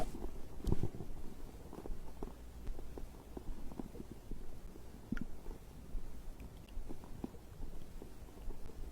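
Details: Soft low rumbling and irregular gurgles from the stomach after drinking a beverage; ordinary digestive growling, normal bowel sounds.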